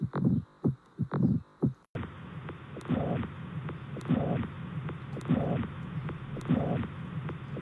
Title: Hear Heart sound